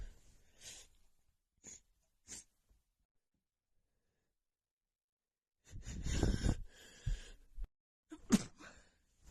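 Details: Woman's muffled sneezing fit: several short, stifled sneezes with soft breaths between, then a louder, partly muffled sneeze burst; sneezes held back.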